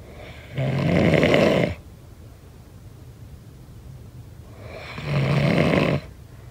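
Two loud, rough snores about four seconds apart, with quiet breathing out between them. Steady rhythmic snoring.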